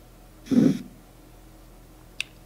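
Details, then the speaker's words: Blood pressure training simulator played through an amplified speaker: a Korotkoff phase II sound heard while the cuff is lowered from phase I at 120 to about 102, just before an auscultatory gap, with diastolic at 80. "I can hear the car - coffee one song and that occurred at 120 I'm gonna start lowering and here's Carta cough a new song I still need a pulse hmm and yep 102 hmm"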